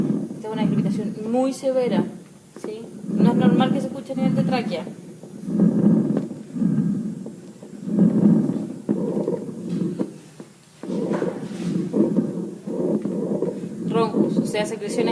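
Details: Rhonchi over the trachea in a teaching demonstration of breath sounds: coarse, low rumbling from loose secretions high in the airway.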